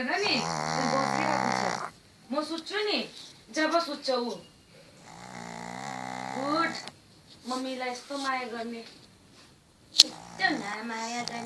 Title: Snoring dog